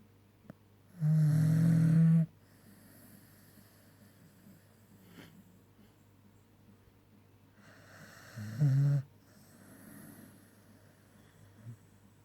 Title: Staffie twyla sleeping snoring tounge out